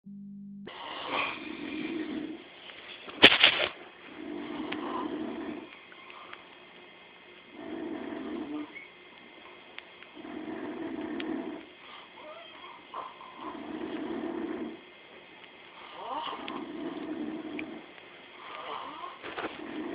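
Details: Two sleepers snore simultaneously, with rhythmic rattling snores about every 2.5 seconds, roughly 24 a minute, and a brief sharp click early on: ordinary snoring.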